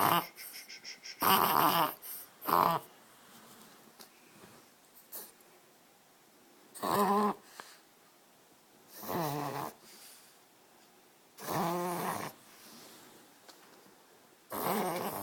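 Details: A pet dog has a reverse sneezing episode of loud, harsh snorting breaths separated by short pauses; the owner says it is easy to stop.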